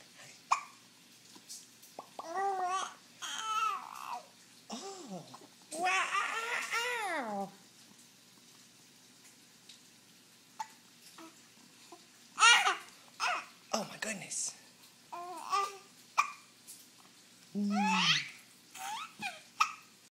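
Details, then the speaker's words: Baby girl playing with her father, babbling and laughing, broken by short, sharp catches in the breath; deep infant hiccups during laughter. "Hiccup. Hiccup. Baby, you got the hiccups deep."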